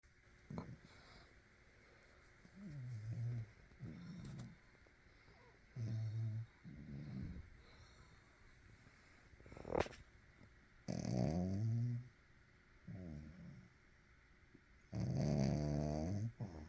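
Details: Snoring while sleeping: low rumbling snores at irregular intervals, about 15 per minute, with soft snorting, in a quiet room.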